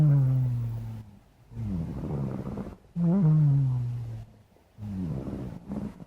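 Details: Low, purr-like rumbling breaths in and out with short silent pauses from a sleeping black cat; snoring.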